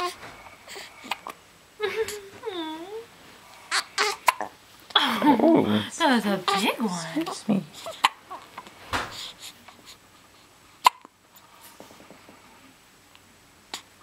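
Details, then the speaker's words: A baby with hiccups, which the baby gets about twice a day: sharp, brief hiccup sounds between soft babbling and fussy cries, with an adult talking quietly in a small room. "videoing a poor baby yeah you got the hiccups you're such a movie star"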